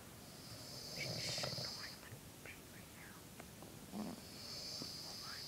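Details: Mom snoring during sleep: soft, noisy snoring breaths with hissing airflow, partly masked by room noise.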